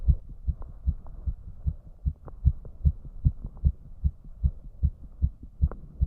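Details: Male heart sounds at about 150 bpm after trying to raise the heart rate, which rose less than expected: rapid, regular low thuds over a faint hum; tachycardia.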